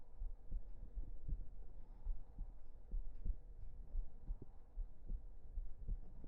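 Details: Close-up recording of a steady, regular low thumping heartbeat with a soft background hum.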